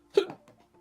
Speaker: y god, the hiccups are just I don't know how to get rid of the hiccups.